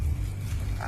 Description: Anak tinggal mendengkur 😁😁🤗🤗